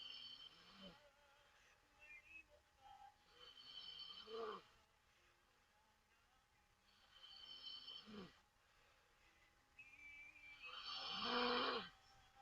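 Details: Taiwanese woman snoring loudly with her mouth open during a livestream: repeated breathy, whistling snores, about four breaths in twelve seconds, the last loudest.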